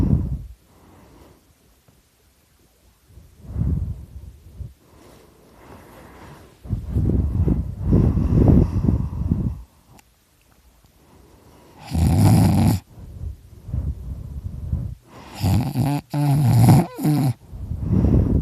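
Irregular low rumbling, snorting breath sounds with a few louder rattling bursts; snoring.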